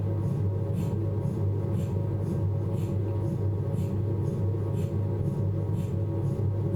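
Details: Steady low drone with soft rhythmic knocks about once a second from a Philips 1.5T MRI scanner running an abdominal sequence; MRI scanner noise.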